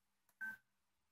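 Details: A single short electronic beep with a faint click before it: the keypress tone of an infusion pump during setup of rate, volume and pressure.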